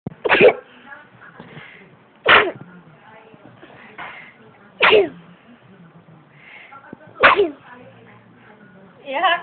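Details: A young child with mommy nearby sneezes four times sharply, roughly every two and a half seconds, with soft voices and rustling between; ordinary sneezing.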